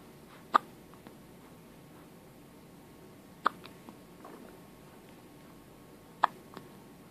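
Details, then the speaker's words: 2½-week-old baby boy with hiccups, getting upset over them: three sharp, brief hiccup clicks a few seconds apart in a quiet room. "Baby's got hiccups. He's angry about them."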